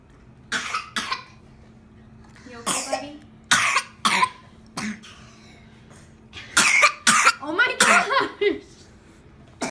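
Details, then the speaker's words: Child coughing repeatedly in short bursts and clusters, about eight coughs, with quiet room noise between; adult asks if they're done coughing; cough. "are you okay are we done coughing you think no yeah probably not"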